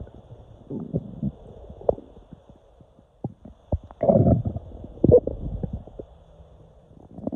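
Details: Irregular low gurgles and rumbles with louder bursts: stomach growling (borborygmi) from gas and fluid moving through the intestines, recorded on waking with intestinal cramps.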